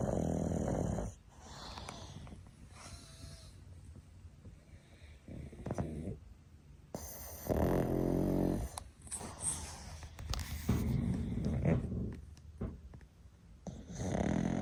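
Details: Three sleeping pugs snoring: loud, grunting, rattling snores, overlapping and uneven; heavy snoring typical of flat-faced breeds.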